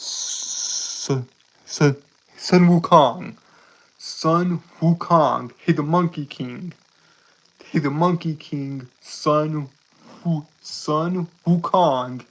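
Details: Male streamer with a self-described speech impediment he calls a nightmare; repeated words and phrases; stuttering.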